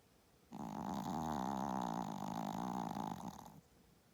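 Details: Loud snoring from a small dog: a single long, rattling, vibrating noise lasting about three seconds on one breath.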